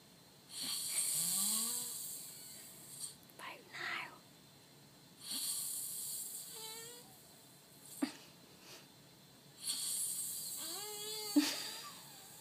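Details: Loud, hissy breaths about every four to five seconds with whistling squeaks between them; loud snoring in a man.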